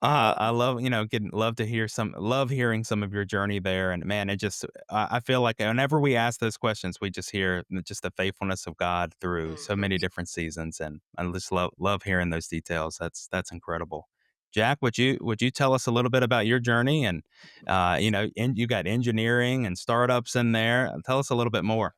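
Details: Adult male speaker; normal speech.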